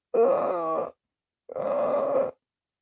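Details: Veterinary semiology lecture: two harsh, sawmill-like rasping vocal sounds imitating laryngeal stridor, indicating obstruction below the pharynx at the larynx.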